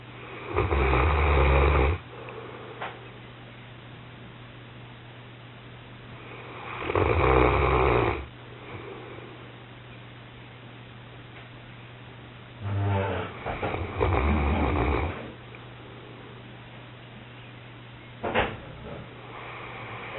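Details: Pyrenean Mountain Dog snoring during an afternoon snooze: loud, rough, low snores, about four in twenty seconds, over a steady low hum.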